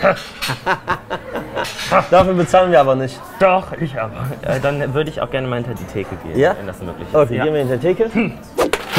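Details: Adult man speaking German; ordinary speech.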